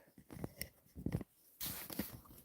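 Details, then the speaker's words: Snoring from a sleeping female dog in a small quiet room: low rumbling snorts followed by a noisy rushing breath. "She's snoring. She be snoring."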